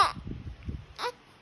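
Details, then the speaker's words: Crying of an 8-day-old newborn. "เแนนดูเด็กน้องแนนดูเด็กร้องินี่ดูเด็กร้อง"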